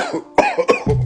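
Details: Acted, simulated adult cough in a comedy sketch: two to three sharp bursts in quick succession, in a small room.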